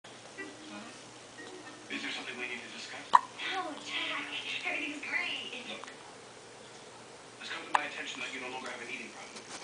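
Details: Hiccups: two sharp, brief hiccup clicks about five seconds apart, with soft talking in between.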